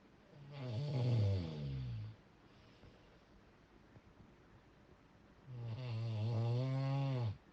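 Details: Heavy snoring: two loud, deep, vibrating snores about two seconds long, separated by quiet breathing pauses.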